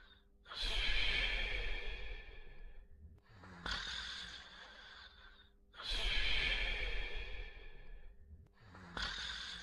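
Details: Snoring during sleep: loud, regular, rasping breath cycles with snorting onsets, about eleven per minute.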